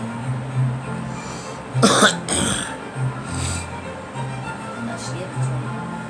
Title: Girl coughing